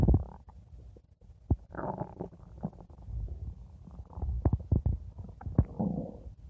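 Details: Stomach growling (borborygmi): low gurgling rumbles and bubbling pops from gas and fluid moving through the gut.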